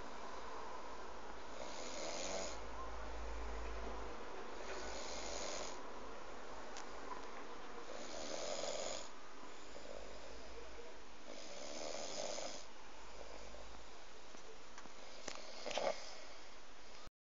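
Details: Man snoring every night, described as snoring like a bear: deep, rumbling snores about every three seconds over a steady low room hum: loud habitual snoring during sleep.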